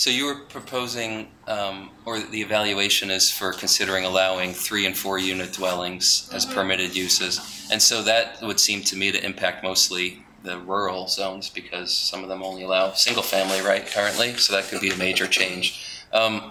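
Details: Adult man with spasmodic dysphonia, which he calls basically localized epilepsy; he links his voice to a fall off a cliff in an extreme skiing championship that left his throat 'gunked up'. Finding: spasmodic dysphonia.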